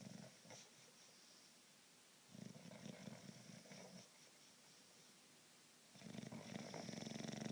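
Rattling, fluttering snores in bursts separated by quiet pauses; snoring in a sleeping dog.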